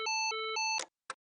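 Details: Steady two-pitch alternating electronic tone, then a sharp burst and click as a LIFEPAK CR2 fully automatic AED delivers a shock to an adult during a hands-only CPR demonstration.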